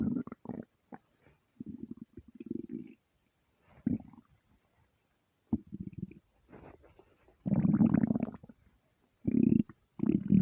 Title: empty stomach rumbles 300 sub special!